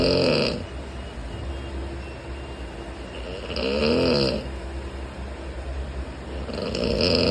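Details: Man snoring while asleep in a sleeper-class train carriage: loud, rough snores every three to four seconds, rattling on each in-breath, over steady train rumble.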